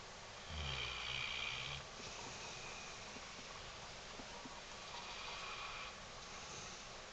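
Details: Female Mastiff snoring while asleep: a low, rumbling snore on a long breath, then quieter rhythmic breathing.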